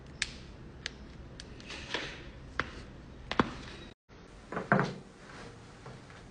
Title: joint cracking compilation